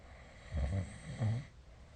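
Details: Snoring recorded with the SnoreLab app: two low, rough, rumbling bursts about two-thirds of a second apart in a quiet room during sleep.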